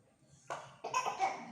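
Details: Cough with breathlessness: two short, fairly soft coughs in a quiet room.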